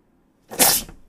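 A single abrupt, explosive burst of noise after a brief silence, fitting one sneeze.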